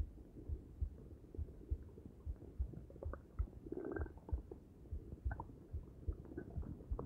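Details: Low, irregular stomach gurgles and rumbles with a longer bubbling rumble midway, after a meal of omelet, coffee and Arizona green tea; ordinary bowel sounds.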